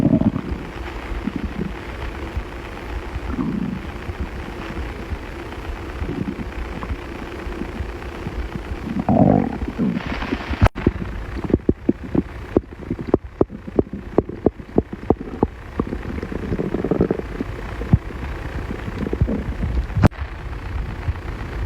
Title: Male stomach growling on TikTok